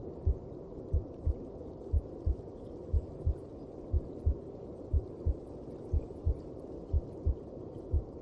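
Steady, muffled heartbeat at about 60 beats a minute under a constant whooshing hiss, like a heartbeat heard from inside the womb.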